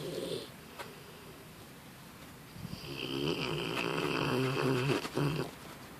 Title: Snoring pup